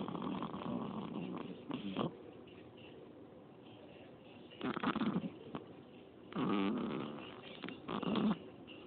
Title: Snoring baby